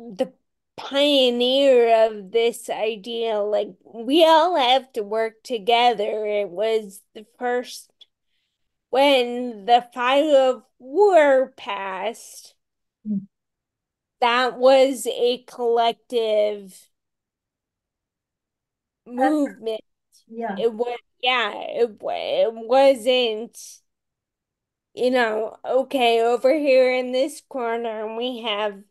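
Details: Ataxic dysarthria in a woman with Friedreich's ataxia, a rare, genetic, progressive disease, diagnosed around age 16 in 1990 with genetic confirmation around 1999-2000; real speech, and she reports voice issues.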